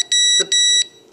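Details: Three short high-pitched electronic beeps: CADD infusion pump power-up tone for a child's TPN, confirming a successful start-up and a correctly locked cassette.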